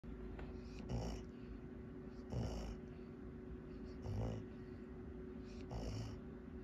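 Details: Snoring recorded April 23, 2024: soft, regular snoring with rattly breaths about every second and a half, roughly 36 a minute, over a faint steady hum.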